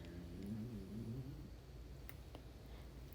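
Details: Snoring from a sleeping dog: low, rough rumbling, louder at first and then fading, over faint room noise.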